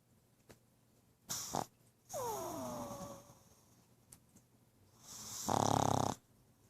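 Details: Pug snoring after a long day at the veterinary clinic and running around: snorting breaths, a squeaky whistling exhale and a loud rattling snore.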